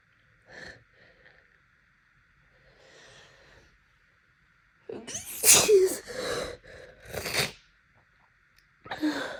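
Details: Adult with seasonal allergies, nightly sneezing fits for the past week lasting hours until Benadryl taken: quiet sniffs and building breaths, then a burst of several forceful sneezes in quick succession, complaining of itchiness; allergic sneezing fit.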